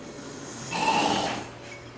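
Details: One drawn-out, rattling snore on a breath, rising and fading, over steady room noise; snoring.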